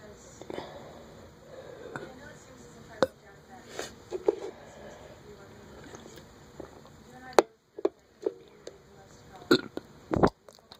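A string of short throaty gulps and bursts over low room noise, with louder belches near the end; repeated burping.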